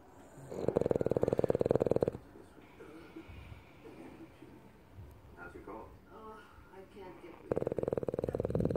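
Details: Loud, rattling, buzzy snoring bursts from a dog, with quieter pauses between them: snoring.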